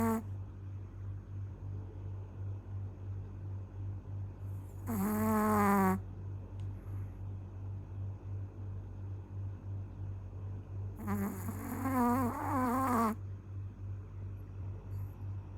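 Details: Dog snoring in the middle of the day: steady low rumbling breathing with two drawn-out whining, groaning sounds while asleep.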